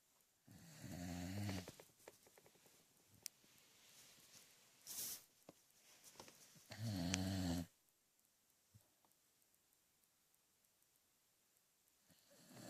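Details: A sleeping dog snoring: soft snorts and rumbling snores with faint rustling between breaths; ordinary sleep snoring.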